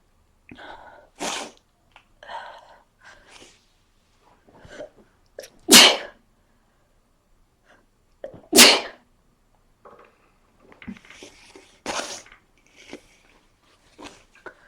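Several sneezes, two of them loud and explosive, with sniffs and quick breaths between them: repeated sneezing during a cold.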